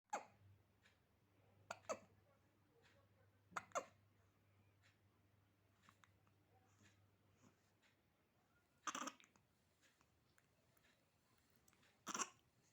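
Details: Newborn baby boy, possibly asleep, hiccuping: about seven small, sharp hiccups, some in quick pairs, with quiet breathing between; baby hiccups.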